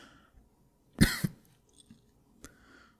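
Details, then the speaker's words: Simulated cough in an ASMR boyfriend roleplay: a sick male who insists it's just allergies and he's taken meds gives one acted cough with two bursts in a quiet room. "I'm not sick it's allergies allergies can be this bad I've taken some meds it's fine I'm fine"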